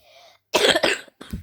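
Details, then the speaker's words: A child who says they have a cough gives a quick run of harsh, forceful coughs after a brief faint background tone. "yeah, I got a cough."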